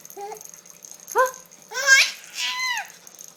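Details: 4-month-old baby laughing with hiccups: short, abrupt high-pitched vocal catches in laughing babble.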